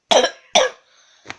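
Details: Person who is sick with a sore throat: two loud, harsh coughs in quick succession, then a short throat sound; a dry cough.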